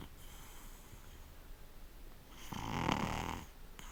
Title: snoring pugger